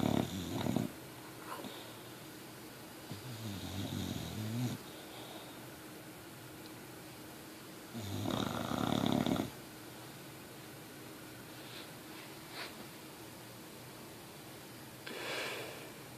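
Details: Chesty snoring: deep, rattling snores recur every few seconds over a steady room hum, with a coarse chesty quality to each breath; snoring.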